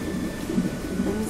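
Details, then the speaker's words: Fetal heartbeat on Doppler monitor during labor after the mother's water broke, first pregnancy: muffled, rhythmic whooshing pulses heard in the background. "So they have me on a monitor and you can hear the baby's heartbeat in the back."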